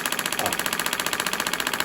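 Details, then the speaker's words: Shockwave therapy on the foot of a patient with plantar fasciitis, over ultrasound gel at a tender adhesion point: fast steady rattling taps, about fifteen a second, planned for roughly 1,500–1,800 shots at 5–6/10 discomfort. "okay so we're going to leave it there for approximately 15 to 18800 acoustic shots to break that up and we want the pain to be or the discomfort to be between a five and a six out of 10"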